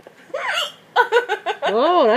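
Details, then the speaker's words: A girl hysterically laughing while hiccuping, her sharp, voiced hiccups breaking repeatedly into laughter and changing in character; hiccups. "You're hysterically laughing and hysterically hiccuping. Is it ever going to end?"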